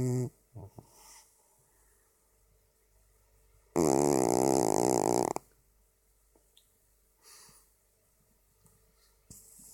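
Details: Black cat sleeping on a black duvet in a dark room, snoring: one long, loud, buzzing inhaled snore with softer breaths between, in a quiet room.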